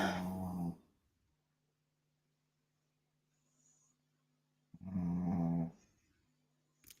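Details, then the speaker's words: Two deep, rumbling snores about five seconds apart from a sleeping 10-year-old dog, nearly 11, over a faint steady room hum. "you hear my dog snore?"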